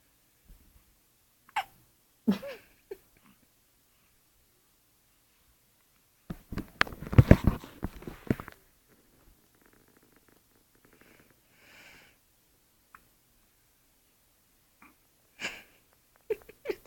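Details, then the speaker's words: Newborn baby boy who often gets hiccups: short abrupt catches of breath every few seconds, one hard hiccup making him jump, with a louder burst of noise midway; infant hiccups. "I mean, he jumped hard. Oh, Hiccup scared you, huh?"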